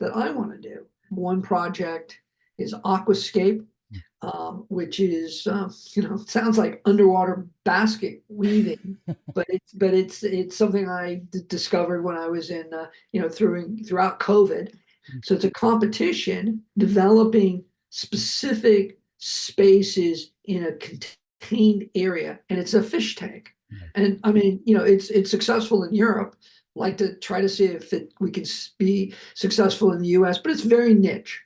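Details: Adult male, heart attack and aphasia survivor, speech with repetitions and word-finding difficulty: aphasia.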